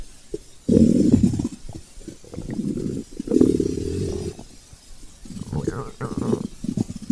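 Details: Low, drawn-out gurgling rumbles in several waves: hunger stomach growling (borborygmi) from gas and fluid moving through the gut, recorded as ASMR.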